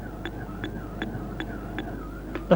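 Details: Heart monitor beeps: a slow rate from a resting seated woman, then a faster rate from a man running on a treadmill at 10 km/h, showing exercise raising heart rate.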